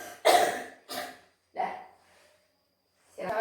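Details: Nurse's acted demonstration of the effective cough technique for clearing sputum: after deep breaths and a 1–2 second breath-hold, three forceful, separate coughs.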